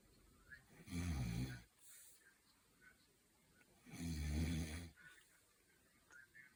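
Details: Man and dog asleep together, snorer uncertain: two loud, rough, rattling snores on breathing in, about 20 per minute, with quiet pauses between; snoring.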